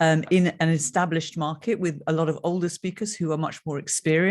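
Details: Adult man speaking; ordinary speech.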